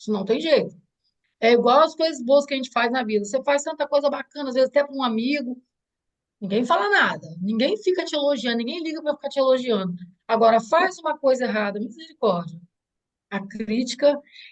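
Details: Adult woman speaking Portuguese; normal speech.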